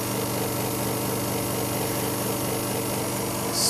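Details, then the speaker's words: Continuous droning motor hum with steady hiss from a prescription nebulizer compressor running for asthma treatment, with the mouthpiece in the mouth during slow deep breaths; nebulizer machine running. "and then all we do is go ahead and turn the nebulizer on and we're going to put it directly in our mouth and then take slow deep breaths"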